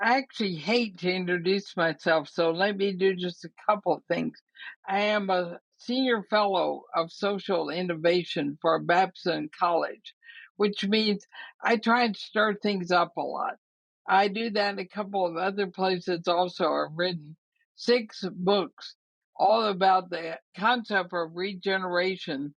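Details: 80-year-old woman with ALS (Lou Gehrig's disease), also affecting her breathing, who says her speaking trouble is already considerable but she is still intelligible; dysarthria (ALS).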